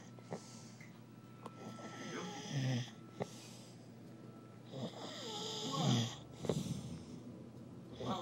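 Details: Person snoring: low rattling snores on slow breaths, about 18 a minute, with faint room noise.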